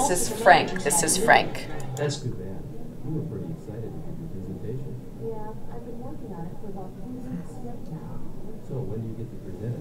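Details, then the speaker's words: Simulation of how a couple's conversation in a noisy restaurant sounds to a man with hearing loss (about 60% clarity): muffled, indistinct speech, the man's voice clearer, the woman's barely intelligible. "because the first one sounds like this to frank through his ears so it's sort of like the guy's voice isn't bad but the woman's voice is like somebody's gotta even hear it"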